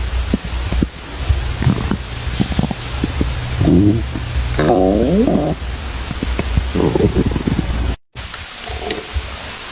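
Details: An adult male's stomach growls with gurgling, bubbling sounds and squeaky rising whines over a low steady rumble: ordinary bowel sounds (borborygmi).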